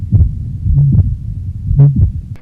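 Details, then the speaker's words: Simulated cardiac auscultation at the tricuspid area, left sternal border 4th–5th intercostal space, where tricuspid regurgitation/stenosis and VSD murmurs and right ventricular S3/S4 are best heard; heart sounds at the tricuspid area. "Move down to the tricuspid area. Along the left sternal border at the left 4th and 5th intercostal space, listen for the murmurs of tricuspid regurgitation"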